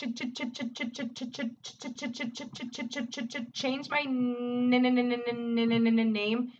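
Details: Adult woman who stutters asking Siri to change her name with many word and syllable repetitions; stuttering.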